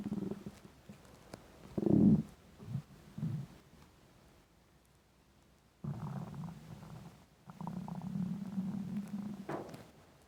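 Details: Intense hunger stomach rumbling (borborygmi): irregular gurgling and long, low growls from the belly with quiet gaps between them; a normal sound.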